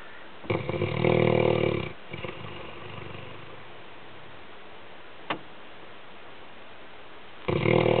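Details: Sleeping Labrador dog snoring: loud, rattling snores with a quieter breath between them.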